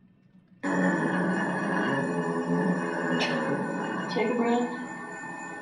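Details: Muscle tension dysphonia with a pressed/breathy voice; aperiodic vocal fold vibration with two small openings and a long closed phase, sometimes resembling vocal fry.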